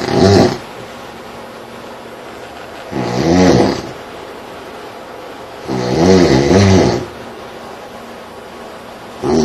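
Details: Loud, fluttering, rattly snores about 19 times a minute, each lasting around a second, with quieter breathing between; heavy snoring likened to someone kick-starting a Harley.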